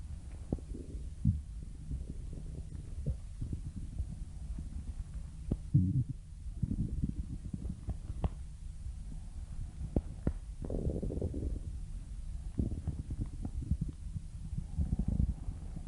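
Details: Stomach growling, borborygmi: low gurgling rumbles and bubbling sounds with a soft background hum.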